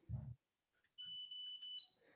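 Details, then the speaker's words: iCare HOME tonometer measuring intraocular pressure at home for glaucoma monitoring: a soft thump, then short high beeps, each beep recording one measurement of six; the patient feels no sensation. "each of the little little beeps you can hear is it recording the measurement so once you've got five measurements and i'll just hold it there"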